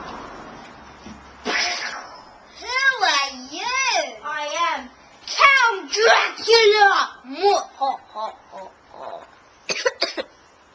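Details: Simulated coughs by children demonstrating coughing into the elbow: a few short dry muffled bursts between bits of speech.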